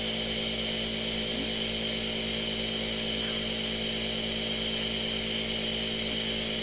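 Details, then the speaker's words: Simulated nurse role-play: loud, steady mechanical hum and hiss of a nebulizer compressor running without pause during a breathing treatment with medicine given by mask, for a patient feeling unable to breathe. "okay now it's very loud okay the mist will probably be cool it's very loud okay so I'm gonna push the button in three two one okay"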